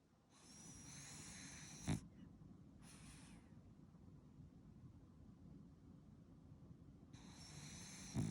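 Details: French bulldog born 6 March 2020, sleeping, with steady low rumbling breaths and a couple of snorts; snoring.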